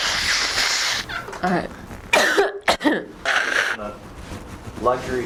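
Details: Cough in a hay fever sufferer: a few short harsh cough bursts with throat clearing and sniffing, mixed with brief talk, in a small room.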